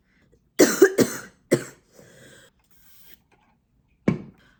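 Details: An adult university student with a cold, possibly whooping cough, coughing: several sharp, harsh coughs in quick succession, a faint breath, then one final cough.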